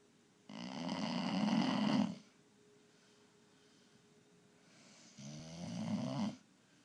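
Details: Pit mix rescue puppy asleep after a hike, snoring: two loud, rattling inward snores with quiet pauses between, at a slow sleeping breathing pace.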